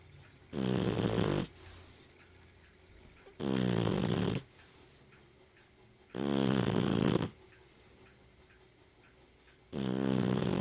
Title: Daisy Snoring loudly